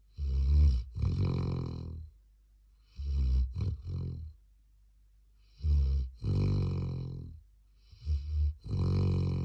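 Deep, rumbling snores in slow, somewhat uneven cycles, about 23 a minute, in a quiet room. Ordinary snoring in a sleeping dog.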